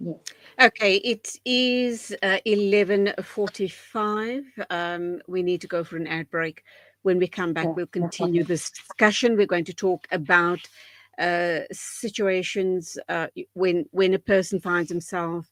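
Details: Adult speaker; normal fluent speech.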